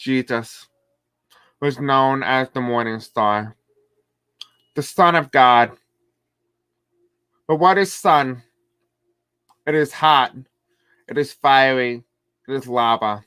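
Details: Deaf man who reports a deaf accent and difficulty pronouncing certain words; deaf speech.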